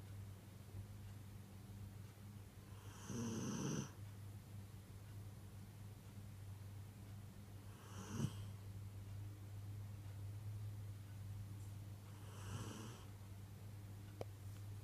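Three soft, rasping breaths with a snoring quality, roughly every four to five seconds, over a steady low hum in the room.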